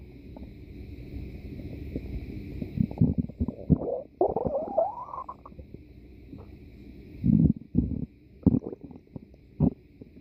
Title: stomach growl in 5 minutes ( lupi y baduki)